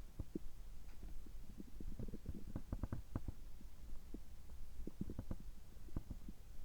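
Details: Abdominal sounds of an adult recorded just after a screening gastroscopy with normal results: frequent soft gurgles and clicks over low background noise; normal bowel sounds.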